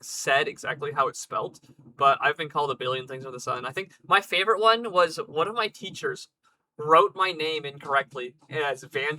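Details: Adult male speaker; normal speech.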